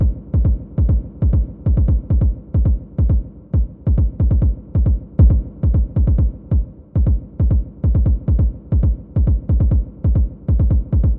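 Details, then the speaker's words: Simulated irregular heartbeat played for a nursing vital-signs demonstration, counted over a full minute at 136 beats a minute; fast irregular rhythm; irregular tachycardia. "This time, let's do an irregular heartbeat. So I'm going to have an irregular heartbeat play. That means we're going to have to count for the full minute because it's not that consistent pattern."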